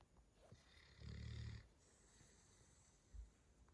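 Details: Cavalier King Charles Spaniel snoring while asleep. A single low, rattling snore with quiet room noise around it.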